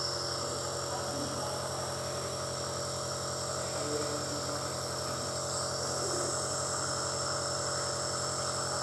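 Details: Nebulizer compressor running, used for nasal treatment to aid recovery from COVID-19; steady mechanical hum and buzzing whir, unchanged throughout.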